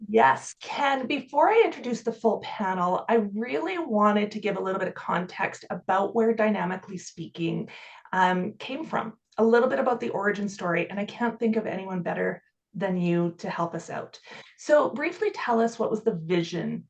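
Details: Adult woman speaking; normal fluent speech.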